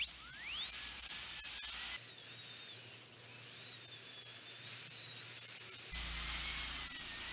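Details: High-pitched whining dental drill, pitch rising and dipping as it cuts a replica carious front tooth on a dental manikin for a composite filling demonstration.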